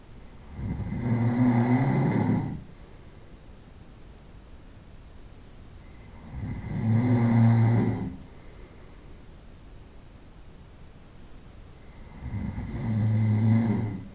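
Three loud, rough, low-pitched snores about every six seconds, roughly 10 a minute, with quiet pauses between. Snoring during sleep.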